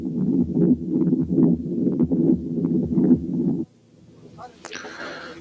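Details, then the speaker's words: Patent ductus arteriosus: one continuous machinery murmur through the whole cardiac cycle, loudest at the second sound and softest at the first sound, swelling with each beat. "لكن دي مامر واحده مستمره على مدار الكاردياك سايكل، بتزيد لماكسيمم انتنسيتي عند السكند ساوند وتقل المينيمم انتنسيتي عند الفيرست ساوند، وصوتها زي صوت مكنه وعشان كده بيسموها ماشينري مامر."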